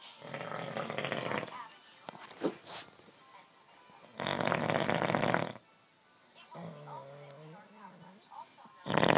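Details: Sleeping husband who says he doesn't snore: harsh, loud rattling snores on inhalation with quieter breaths between, faint room noise; snoring.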